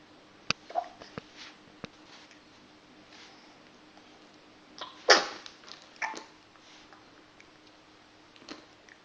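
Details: Person with recurrent hiccups: brief sharp snaps and puffs spaced irregularly, with one louder sneeze-like burst.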